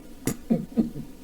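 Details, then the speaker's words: Vocal imitation of a hyperkalemia arrhythmia, as from kidney failure: normal heartbeats, then a quick extra "hiccup" beat from an unwanted cardiac action potential, before the heart stops. "so a little cardiac arrhythmia before your heart stops so something like this normal first then a little hiccup"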